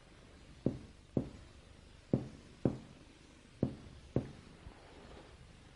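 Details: Normal lung resonance on percussion.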